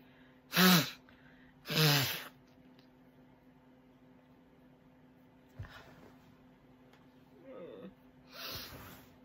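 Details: Winter sneezing fit in late February, on waking as snow started and cool air crept into the bedroom: three sharp sneezes with quiet breathing and small sounds between.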